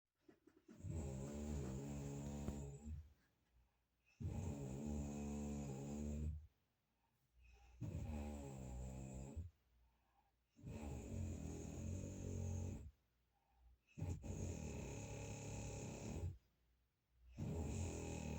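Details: Loud, rattling snoring, each snore about two to three seconds with quiet gaps between, around 5 breaths a minute.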